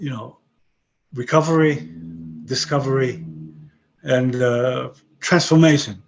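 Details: 62-year-old man with aphasia after a stroke about 11 years earlier; he has kept broken English and Hebrew but lost his other languages; aphasia.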